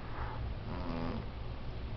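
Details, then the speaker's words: A sleeping female cat gives a low, rumbling, steady snore with a faint purr-like quality; the owner suspects sleep apnea and worries it is unhealthy. "Use a snore. You got like sleep apnea or something, babe. I'm telling you, you're going crazy over there."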